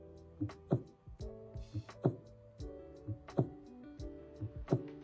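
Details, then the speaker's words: Slow, regular paired heart sounds at about 45 beats a minute over soft music: an example of bradycardia, a heart rate below 60 beats per minute that may not maintain adequate blood flow to major organs. "our heart can beat too slowly or left less than 60 beats per minute if this happens the body may not be able to maintain adequate blood flow to major organs"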